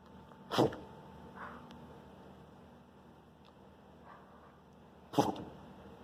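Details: Two short, sharp sneezes several seconds apart, apparently from a small animal, with faint room noise between; sneezing.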